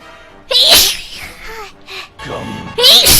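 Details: Sneezes during a livestream: two loud, abrupt sneezes with sharp airy bursts, separated by a brief pause, over soft background music.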